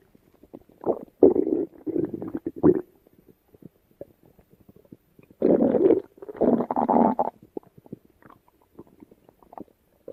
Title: Stomach Rumbling